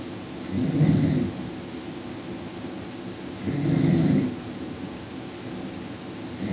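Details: Two low, rumbling snores about three seconds apart from a sleeping man, over steady background noise; snoring.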